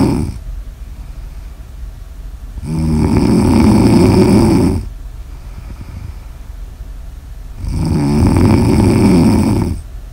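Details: Snoring ASMR audio recording: two long, loud, rough snores about five seconds apart, roughly 12 a minute, with quiet breathing between.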